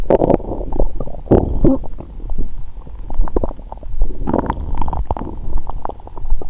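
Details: Bowel sounds from a woman's abdomen; her period is due and her stomach is bloated.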